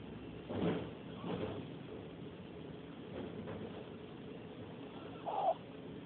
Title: Maltese (Souris) snoring